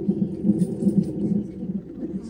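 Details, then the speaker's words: Fetal heartbeat on a labour monitor (with contraction graph) in hospital, mother in labour three days past due date; fast, regular whooshing pulses about 150 beats a minute. "ఇది heart beat baby heart beat sound వస్తుంది కదా yeah ఈ sound baby heart beat"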